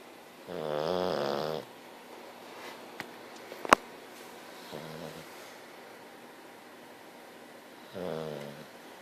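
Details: Very tired, sleeping English bulldog: three rattling snores with a faint short one between them, separated by quiet breathing, plus a couple of sharp clicks from the room; snoring.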